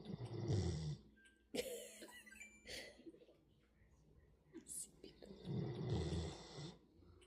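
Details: Sleeping giant schnauzer snoring in a person's lap: two deep, rattling snores about five seconds apart with faint background music; ordinary snoring.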